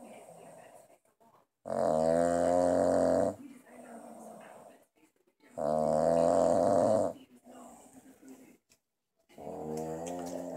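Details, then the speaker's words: Husband who apparently passed out after drinking, asleep with the TV on: loud rattling snores on inhalation about every four seconds, with quieter exhalations between; heavy snoring in deep sleep. "that's definitely somebody passed out after drinking the TV is on the Spanish station and he doesn't speak Spanish so I can understand why he went to sleep"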